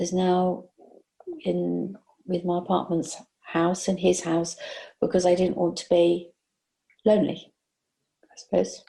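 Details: Adult woman, stroke survivor with aphasia following a stroke in 2019, interviewed about life during lockdown; aphasia.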